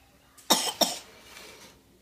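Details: Two quick, light, dry coughs put on deliberately by a young son coughing onto pepperoni slices while making pizza, not from illness.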